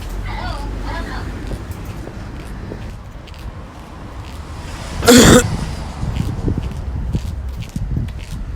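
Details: Cough recorded for a cough experiment.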